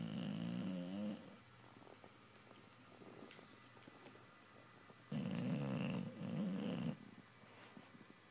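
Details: Two long, rumbling snores with quiet breathing between from a dog sleeping and dreaming: snoring.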